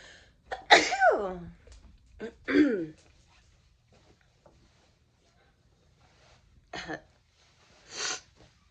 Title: How to sneeze nonstop! (Part 26)